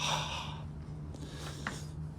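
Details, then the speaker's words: Vocal a cappella imitation, not a real recording, of the diastolic murmur of aortic regurgitation (aortic insufficiency): a soft, blowing hiss that fades away. "Diastolic murmur of aortic insufficiency."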